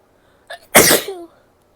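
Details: Female: a quick breath in followed by one loud, explosive burst of air, a single sneeze.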